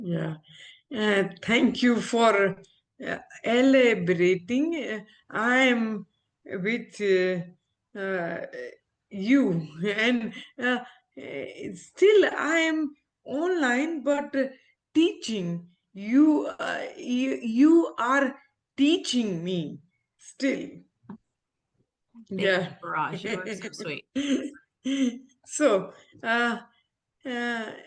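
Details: Adult woman, former ophthalmologist, with aphasia after a stroke, still recovering speech with speech-language therapy; real patient; aphasia.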